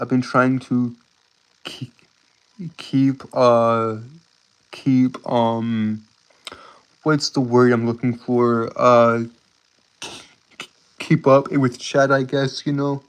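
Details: Adult male who says he has a speech impediment that makes him stutter and trip over his words; stuttering.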